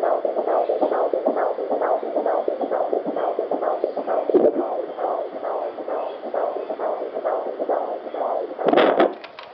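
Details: At 18 weeks of pregnancy, Doppler picks up rapid, regular whooshing pulses at about 150 a minute: a normal fetal heartbeat.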